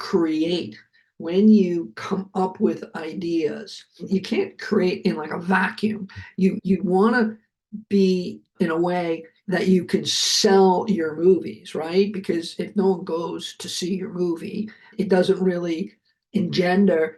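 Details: Adult male heart attack survivor with aphasia, speaking after noting his aphasia was kicking in; aphasia.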